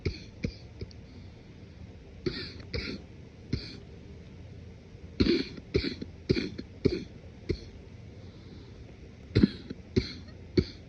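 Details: Morning productive cough, deliberately muffled and suppressed to avoid waking someone sleeping: repeated held-back coughs and throat clearing in a quiet room, with audible wet congestion.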